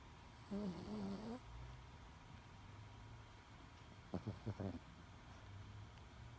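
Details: Loud sleeping snoring from a 10-pound Chihuahua: a brief rattling snore, then a quick run of short snorts over steady room hum.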